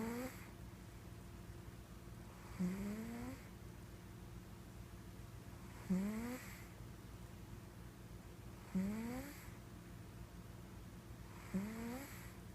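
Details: Sleeping cat snoring: soft whistling snores with each breath, about every three seconds (roughly 20 a minute), over a steady background hum; snoring.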